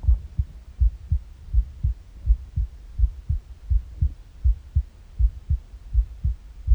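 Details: Regular, steady low thumps at about 82 beats a minute with a faint background hum, recorded in the morning on an empty stomach; normal heart sounds.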